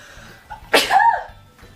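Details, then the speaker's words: Single ordinary sneeze, one sharp explosive burst with a short breathy tail, then quiet room sound; the girl says she is about to sneeze. "um sorry I I'm going to sneeze sorry have to sneeze them"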